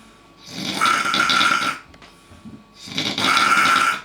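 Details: Heavy snoring: two loud, rattling inward snores about two seconds apart in a small room.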